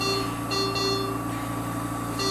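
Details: SERVO-i ventilator in SIMV mode during a training demonstration: steady repeating electronic alarm tones over a constant machine hum; ventilator alarm sounding.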